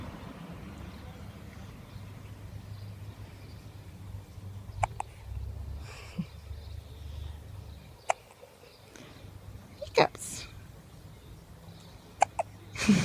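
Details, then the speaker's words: 1-week-old baby boy: several brief, sharp hiccup sounds at irregular intervals over faint background noise as his mother talks to him; infant hiccups. "You got the hiccups for me. Have you? Hick. Hick. Hick."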